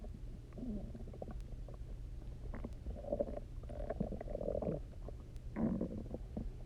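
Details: Loud, resonant gurgling and rumbling bursts over a low hum from the stomach after eating basically nothing for 24 hours, then drinking a lot of water and lying on the side; hunger borborygmi (stomach growling).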